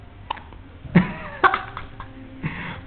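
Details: One-month-old baby with hiccups: three short, abrupt throat catches about half a second to a second apart, with faint room noise.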